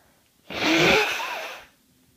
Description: This is day one of a head cold. I've been sneezing, blowing my nose, and sniffling most of the day.